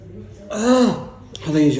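A loud voiced throat-clearing sound followed by a shorter second burst; ordinary throat clearing.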